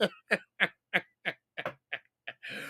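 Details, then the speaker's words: An adult male podcast host coughs repeatedly while smoking cannabis during a "blinker challenge", joking that he sounds like his co-host when he coughs: a smoking-related cough. "Lonnie, I sound like Lonnie when I cough. We're brothers, the cough brothers. Identical cough twins."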